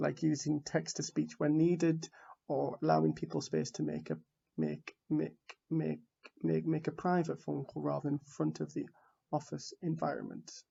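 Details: Stuttering in an adult man from the UK who identifies as a person who stammers, giving a conference talk; word repetitions are audible.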